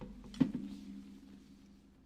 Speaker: Did you hear that? The cat. That was a cat sneezing like a human. Poor little guy.